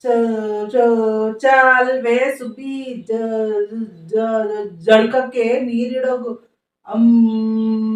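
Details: Acted stutter by an adult male character, a son described by his mother as a stutterer, in a Kannada comedy skit; stuttering (acted).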